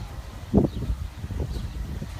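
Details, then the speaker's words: Horse with a cough induced by pressing on the trachea before auscultation: a single short, deep cough, then quiet outdoor background. A single cough like this does not indicate respiratory disease; a persistent cough would. "لكن قحة وحدة مثل اللي صارت هذه ليس إشارة إلى إصابة في الجهاز التنفسي، لكن لو استمرت القحة هذه معناها أكو إصابة، أو قحة خفيفة يعني أكو مرض مزمن في داخل الرئتين."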